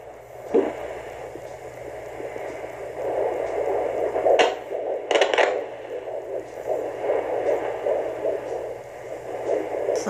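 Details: Fetal heartbeat at 15 weeks 5 days of pregnancy on a handheld Doppler: fast, rhythmic whooshing pulses.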